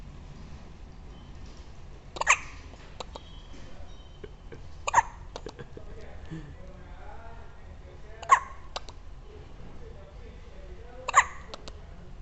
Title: Dec 13 - hiccups